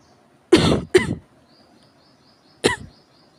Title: 咳が酷 severe cough